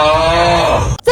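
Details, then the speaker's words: Simple snoring, noisy but harmless: a single loud, droning, somewhat tonal snore lasting about a second, then silence. "边人呐、睡觉总打呼噜，记得啊帮他听一听。这种情况先别担心，人啊没事儿。"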